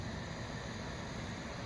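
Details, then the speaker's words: A home-unit nasal CPAP machine running: a steady, continuous hissing rush of air from the mask's exhalation port, which should never be blocked. "you will feel air coming out of this little exhalation Port that's important you never want to block that"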